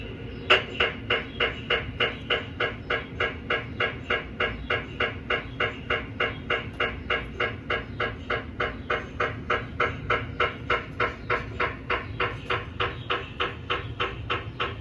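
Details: GE 1.5 Tesla MRI scanner running daily QA scans, TE 25, TR 300, helium recondenser in background: steady, evenly spaced loud knocking about 200 per minute over a low hum.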